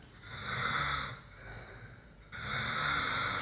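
Two loud, rough, rattling breath sounds with a low snorting rumble, separated by a brief quieter pause: snoring, possibly put on.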